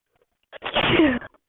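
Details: A short inhale followed by a single loud, explosive sneeze.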